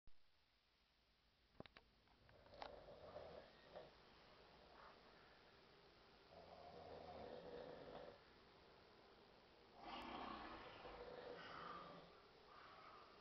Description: A night of hard partying at Dickson Street took it's toll on this bunch, but they gave it the ole college try....lol Ten seconds in listen for my buddy on the floor. It's short but loud.